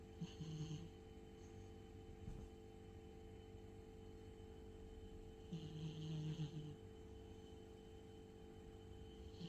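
Two soft, low, buzzing snores several seconds apart over steady room hum; a sleeping cat snoring.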